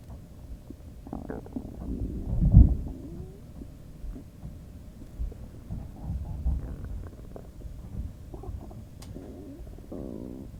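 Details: Ordinary stomach rumbling (borborygmi): low gurgling and bubbling rumbles with a louder swell near the start, over faint background room noise.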